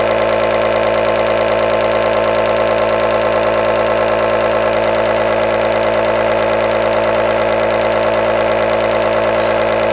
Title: 10 Hours of AEROSOL Nebulizer Sound | White Noise - Black Screen | Calm, Relax or Sooth a Baby